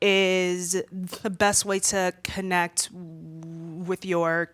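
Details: Stuttering in a woman who says she stutters a lot more when nervous in front of a room full of people.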